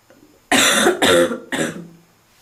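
Three harsh, loud, barking coughs in quick succession, the last trailing off into a rough tail; a smoker's cough.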